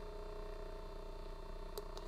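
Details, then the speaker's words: Steady low motor hum with faint whine from a handheld percussion massage device run at low speed settings; quiet device; percussion massager running. "so i'll show you what it sounds like so level one which is a 1500 level 2 which is at 1900 level 3 at 2400 level 4 at 28.50 and level five at 32.50"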